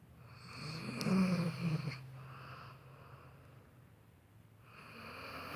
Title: Snoring